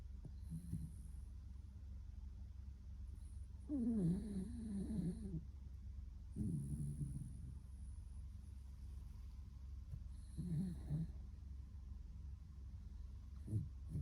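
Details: Faint, low, fluttering breaths every few seconds over steady room hum from a sleeping brown female Shiba Inu born in 2015; soft snoring.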